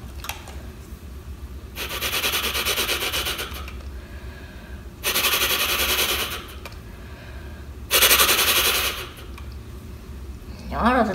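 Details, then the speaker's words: Three rattling, buzzing exhalations through a Flutter oscillating breathing device, exhaling into the device and inhaling through the nose. Pressure fluctuations make the ball vibrate to loosen mucus from the airway walls; an airway-clearance aid demonstrated in the context of COPD. "hier entstehen druckschwankungen man dank denen die kugel aus antwort auf kontakte und schwingungen und diese vibration führt dann dazu dass ich das schon ein lockert von der st eine abgebucht werden kann mach mal kurz die geräusche entstehen bei dem platter"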